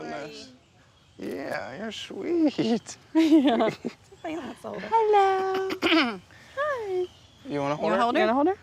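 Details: Adult speaking in a high sing-song voice, as to an infant or pet; normal speech.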